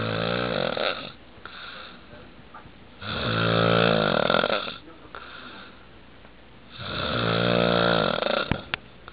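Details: Loud, rough, buzzing snores on each breath in, about three in nine seconds, with quiet breathing out between; snoring.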